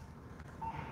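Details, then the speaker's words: Pulse oximeter on a physician's own finger, demonstrated on a monitor: a single short electronic beep over low room hum, each tone marking a heartbeat. "So this will just be one with the pulse ox."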